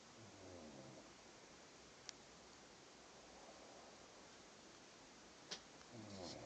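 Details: Light snoring from a sleeping animal that reportedly has never snored before: a soft, low rattling snore at the start and again at the end, with two faint clicks in a quiet room.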